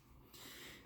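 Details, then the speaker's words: A Pit Bull sleeping beside the owner in an air-conditioned room, snoring loudly: a single rough, snorting breath over a quiet room hum. "eu tenho uma Pit Bull ela está aqui dentro do ar condicionado comigo do meu lado dormindo e ela tá roncando arrancar alto"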